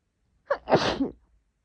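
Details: Woman: a single sharp, wet sneeze with a quick in-breath before the burst; an ordinary sneeze.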